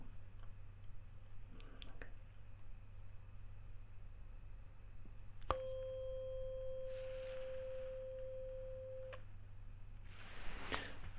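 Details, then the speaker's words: A tuning fork is struck and rings with a steady pure tone for several seconds, placed behind the ear for a Rinne hearing test in a roleplay cranial nerve exam; normal response. "okay so this is the sound really simple when it starts I want you to say now okay and when it stops I'm going to say now okay"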